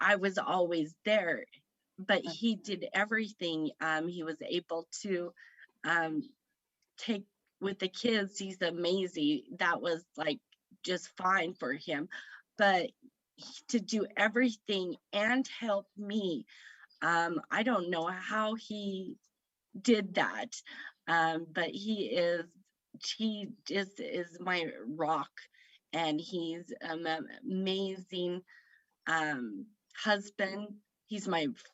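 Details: Woman with aphasia after a stroke at age 38 in September 2018 that affected her right side, three years into recovery with persisting word-finding difficulty; aphasia (word-finding difficulty).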